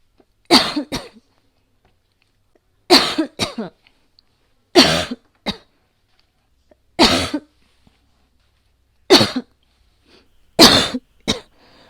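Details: Six bouts of sharp, harsh coughing, one to three coughs each, compiled from recordings made during past asthma attacks and a COVID-19 infection: cough from asthma and COVID-19.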